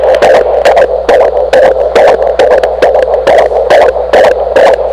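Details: Rapid, regular whooshing, galloping fetal heartbeat on Doppler, about 140 beats a minute; the baby's first heartbeat recording.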